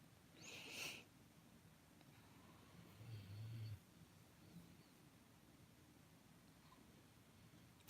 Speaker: Can you hear my dog snoring? It's not too loud yet, so I'm trying to think of what else.